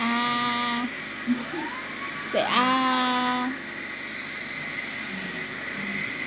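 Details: Toddler at her first dental visit, teeth cleaning with polishing; steady whirring polisher with rising and falling pitch and brief child vocal sounds; dental polishing instrument.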